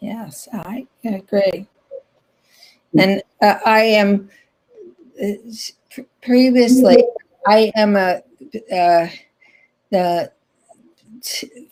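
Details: Aphasia in an adult woman after a stroke in 2010, still in ongoing rehabilitation therapy.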